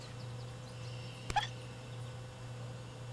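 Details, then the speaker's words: A single tiny sharp click and faint squeak over a steady electrical hum: hiccups in a rescued baby bat that fell from its nest, right after being given water. "okay hope the ASPCA isn't watching I gave a baby b the hiccups I really did not mean to do that"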